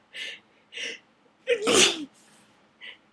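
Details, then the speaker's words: Two sharp catching inhalations into a loud explosive sneeze, then a brief breath; part of a messy sneezing fit triggered by a dusty attic. "God they just keep coming I'm see I'm going to see and now it's getting messy again [Laughter] [Applause] this is so messy one more these are my last tissues so I hope this stops soon"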